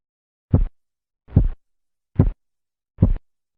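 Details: Korotkoff phase III during blood pressure measurement, teaching clip: four crisp, loud, low tapping sounds at about 72 a minute, sharper and more intense, without murmur.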